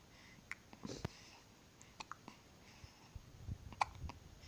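Quiet room with several brief, sharp, irregularly spaced catching sounds, the abrupt gulps of hiccups.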